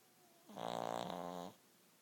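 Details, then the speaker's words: Deaf 14-year-old Shih Tzu snoring while dead asleep; owner says he mimics a loud-snoring owner: one rough, vibrating, droning noise on an in-breath lasting about a second; dog snoring. "this is Gus the snoring dog he has spent the past 15 years sleeping next to my dad who is the world's loudest snor once my dad was snoring so loud he rattled a clock off the wall and his dog has learned how to uh mimic it but he's dead asleep"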